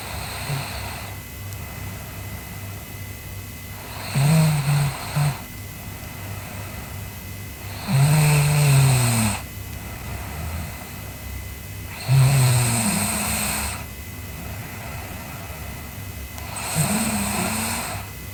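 Low, rumbling snores on each in-breath, about 15 breaths a minute, over a steady room hum.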